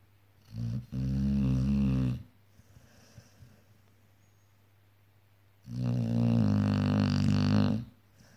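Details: Sleeping pitbull dog snoring: two long, deep, vibrating snores separated by a quiet pause, with a steady low hum in the room.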